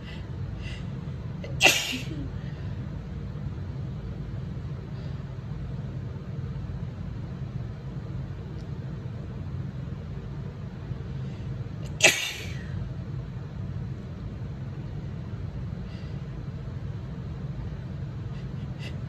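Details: Woman with spring allergies, a tickly, runny nose since waking: two sharp sneezes about ten seconds apart over steady low rumbling background noise; allergy sneezing.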